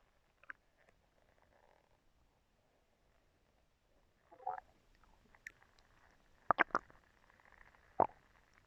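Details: Stomach growling recorded as ASMR with a brush: a few brief gurgles and squelches from the belly in a quiet room.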